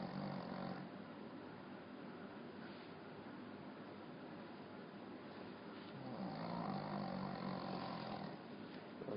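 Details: Pekingese dog snoring like a much bigger dog while asleep; loud snoring from a small dog.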